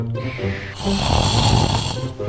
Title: mobile snoring 😴 #shorts